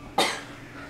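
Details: A single short, sharp cough-like burst in a quiet room, during an episode described as hiccups; cough.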